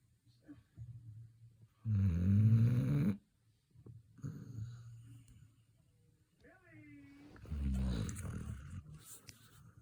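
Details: Low, rough snoring breaths, one loud and long and others softer, with a brief whine between; unclear whether the snorer is the Labrador retriever or its owner: snoring.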